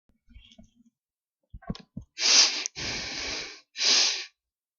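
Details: Adult holds back three violent sneezes, each escaping as a short, muffled hiss of air, suppressed because their sneezes tend to be very wet and messy; stifled sneezes.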